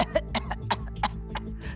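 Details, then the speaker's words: Adult imitation, on a television programme, of a child's whooping cough: a run of six or seven rapid coughs on one breath out with no breath in between; paroxysmal cough of whooping cough. "Кашель на выдохе, а вдоха сделать не может."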